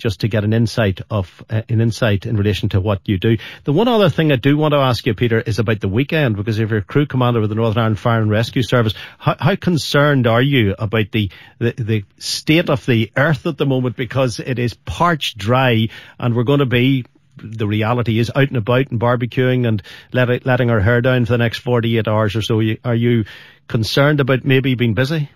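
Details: Adult male radio presenter; ordinary fluent speech.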